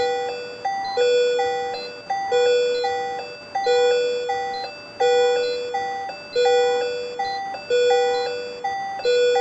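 Steady electronic monitor beeps, a two-note chime repeating about 44 times a minute, from capnography monitoring.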